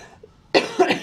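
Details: Adult who says they are wheezing a little and mentions their asthma acting up gives two quick, harsh coughs in close succession after a quiet moment; cough.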